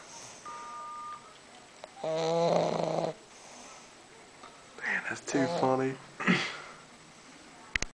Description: this is darla the english bulldog. this is really her snoring.